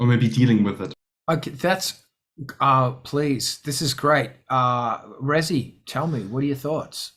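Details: Adult male speaker; no voice disorder.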